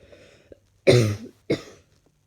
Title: Not feeling fantastic today at all. Need this cough to leave me now